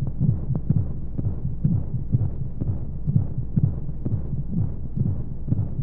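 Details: Womb-sound sleep aid for babies: muffled fast low whooshing heartbeat at about 125 a minute under steady rushing white noise; womb heartbeat sound.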